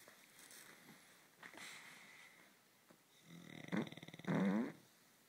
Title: Dog snoring girlfriend farting